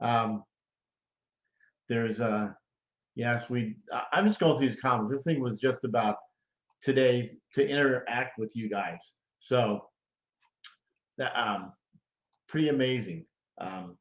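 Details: Adult stroke survivor about 9.5 years after stroke, living with post-stroke aphasia; aphasia.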